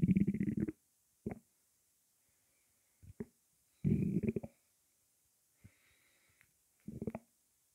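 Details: Stomach gurgling after drinking cola: irregular low gurgles and bubbling rumbles with silent gaps; ordinary bowel sounds (borborygmi).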